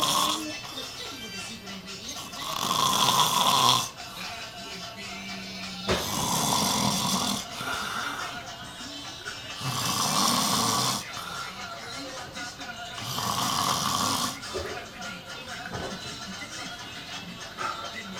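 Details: A man snoring: loud, rasping snores about every four seconds, roughly 15 to 17 a minute, over background music; heavy snoring.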